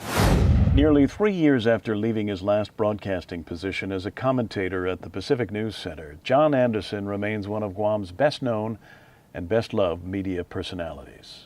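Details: Adult male narrator; Normal speech.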